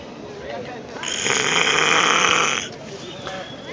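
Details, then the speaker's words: Nasal snoring: a single loud, hissing breath through the nose rising and fading over about a second and a half. "Estamos viendo y escuchando los poderosos sonidos que se emiten de sus propias narices."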